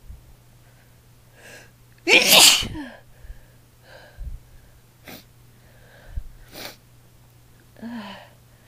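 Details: Female induced sneezing session: a single forceful sneeze, then quiet breaths, sniffs and a few small nasal bursts.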